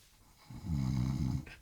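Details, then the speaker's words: A single low, rumbling, buzzy snore lasting about a second on the in-breath, then a soft breath, from a man sleeping under a flowered quilt on a sofa bed: snoring. "después de una noche moroca así ronca el"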